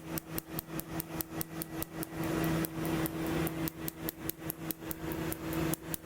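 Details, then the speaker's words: Rapid sharp snapping pulses, about 146 a minute, over a steady hum: a laser tattoo removal device firing on a line at the top of a woman's chest tattoo, second session, painful. "Fair warning, this segment is seven very long and painful minutes primarily of laser. I had to take three breaks, but I cut that out for the most part."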